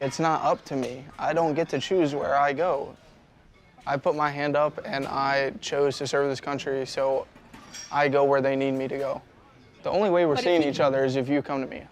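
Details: Adult male speaker; ordinary speech.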